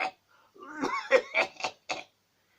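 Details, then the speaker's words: A run of about five harsh, throaty coughs in quick succession, acted for comedy by a man who says he still has a bad cough in cold winter weather. "anyhow guys could you sub up roach life's channel please i need subscribers guys any house i still got this bad cough"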